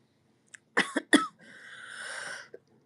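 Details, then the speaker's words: Asthma cough in a person who uses an inhaler, bothered since a heat wave: two short dry coughs followed by a long breathy outbreath. "Swear this asthma cough is getting on my nerves."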